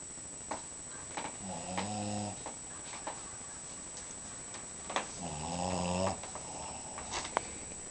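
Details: Sleeping dog: two slow, low buzzing snores on the in-breaths, with quiet pauses and faint room noise between.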